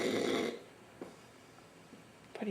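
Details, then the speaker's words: Adult man snoring loudly while asleep at night: one loud, rumbling snore, then quiet breathing with faint room sounds; loud enough to keep others awake. "he's so freaking loud. Who can sleep?"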